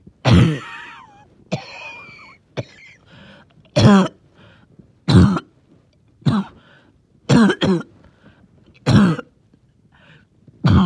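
About nine loud, wet coughs at irregular intervals, some with a rattling, wheezy tail, a phlegmy productive cough.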